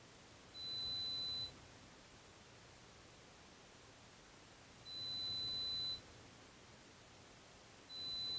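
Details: Pure-tone audiometry on an adult client with trouble hearing in background noise: three steady high-pitched test tones, each about a second, at irregular intervals over faint hiss, presented ascending in 5 dB steps to find threshold.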